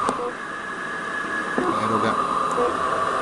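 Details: Mechanical insufflation airflow from a Minipegaso cough assist device during a settings demonstration, covering inspiratory pressure, slow, medium or high flow speed, and manual or automatic mode with set inspiratory, expiratory and pause times.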